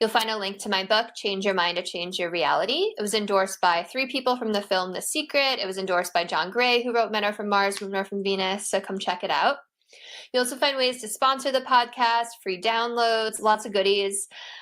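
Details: Adult host speaking; normal speech.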